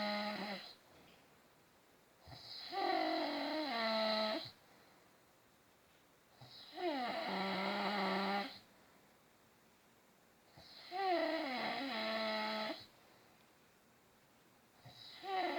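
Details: Father snoring: loud, rattling, buzzy snores on each breath in, about 14 a minute, with quiet breaths out between them.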